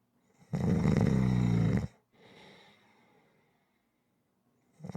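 One loud, low, rattling snore on the in-breath, then a quieter airy out-breath; typical snoring.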